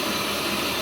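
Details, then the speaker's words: Paramedic CPAP application: once the regulator is screwed onto the oxygen cylinder, a steady loud hissing rush of gas is heard, confirming oxygen is flowing into the CPAP device. "and again just like plug it into the ambulance you hear a loud Rush of oxygen and that'll let you know that we're getting oxygen"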